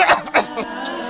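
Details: Two or three brief, harsh, acted coughs from an adult over faint background music in an Indonesian herbal cough medicine advertisement.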